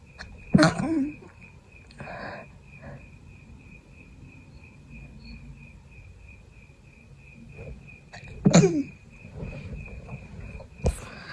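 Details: Adult still sick with a cold, fever gone, constant tickle: three abrupt stifled sneezes, partly held back, with breaths and sniffles between, over a steady background whine.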